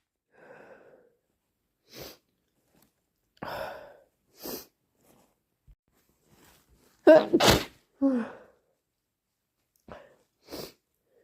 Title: Induced hayfever sneezes and blows